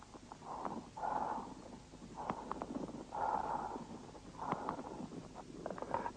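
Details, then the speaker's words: Bronchial breathing auscultated with a stethoscope over a lung lobe consolidated by inflammation: harsh, hollow, tube-like breath sounds in repeated cycles. "при воспалительном уплотнение доли легкого выслушивается бронхиальное дыхание"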